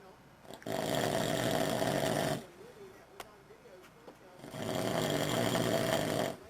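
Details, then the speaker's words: Two loud, long, rattling snores with a quiet pause between, in a small room, from a sleeping father recorded by his daughters; heavy snoring. "Quiet. Snoring so loud."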